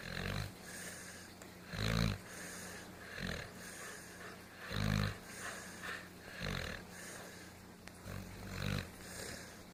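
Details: Snoring heavily in sleep: repeated low grunting snorts at an uneven pace, about 20 a minute, with a steady rumble between.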